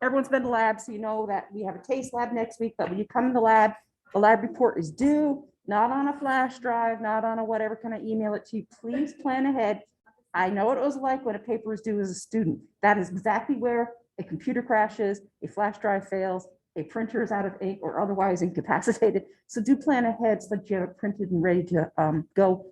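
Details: Adult woman speaking; normal speech.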